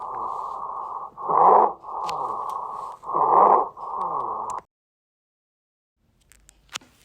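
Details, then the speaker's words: Stridor from upper airway obstruction (laryngeal spasm, edema or foreign body): harsh, high-pitched musical noise on both inspiration and expiration, loud enough to hear without a stethoscope. "o estreador ele acontece tanto na inspiração quanto na expiração ele pode ser tão alto ao ponto de ser auscultado ou escutado sem o uso de estetoscópio"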